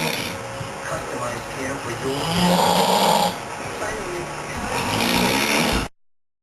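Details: Snoring performed by a man just for fun, so possibly staged: loud, rough snoring sounds repeating every few seconds over heavy background noise.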